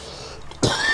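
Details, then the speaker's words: A person with a cold and a strong tickle in the throat gives a single abrupt, harsh, dry, throat-clearing cough after brief quiet: a dry, irritating cough. "ich habe mir erkältung was die gemacht ich habe voll den hustenreiz jetzt unangenehm"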